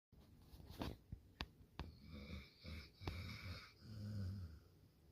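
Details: Thor snoring: soft, low, rumbling breaths with a faint whistling edge and a few sharp clicks in a quiet room, typical of a sleeping dog's snoring.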